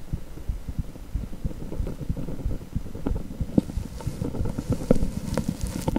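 Rhythmic whooshing pulses over low rumbling noise, the blood-flow sound of a heartbeat on cardiac ultrasound Doppler.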